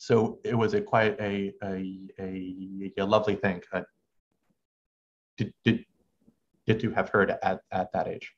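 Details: Stuttering since about age six in an adult male medical student, with pauses he cannot control, partly masked by subconscious strategies to make them sound deliberate, and a halting cadence.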